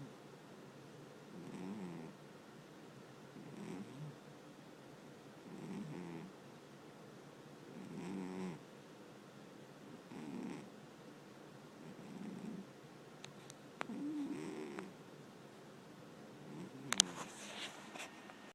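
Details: Soft, rhythmic rattling snores about every two seconds, roughly 28 a minute, from a sleeping cat in a quiet room: snoring.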